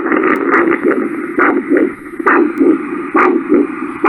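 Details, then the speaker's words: Handheld Doppler over the brachial artery at the antecubital fossa, with a cuff on the arm, during a Buerger's disease arm pressure exam: regular whooshing pulses, about 67/min; normal triphasic arterial signal. "that's a nice signal. It's a normal triphasic pulse waveform that we're hearing with our Doppler."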